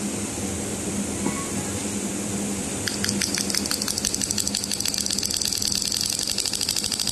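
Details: SW500B extracorporeal shockwave therapy (ESWT) machine: steady hum, then rapid sharp clicking pulses speeding into a fast rattle as the handpiece fires.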